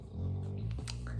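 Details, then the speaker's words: A pet dog snoring in the background of a room: a steady, low rumbling noise with a couple of faint, brief higher sounds. "sorry if you can hear butter snoring in the background it's hilarious"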